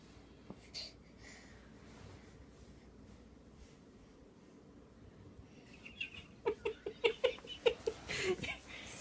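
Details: Quiet room, then a run of short, high-pitched infant cry bursts in the last few seconds as a mom tries to stop her baby crying; infant crying.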